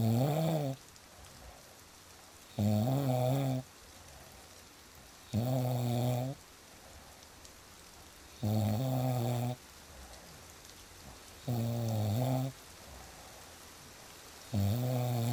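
Loud, regular snores with a deep rattling buzz, about 20 a minute, rising on each breath in. Steady rain in the background.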